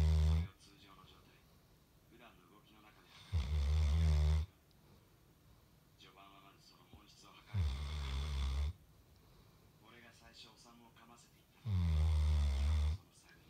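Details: Sleeping Golden Retriever: loud, deep rattling snores about 15 a minute with quieter breaths out between; harmless snoring.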